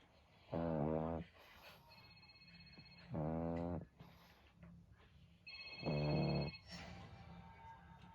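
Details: Pug dog snoring: three loud, buzzing, tone-like snores about every three seconds, with tinkling music playing between them.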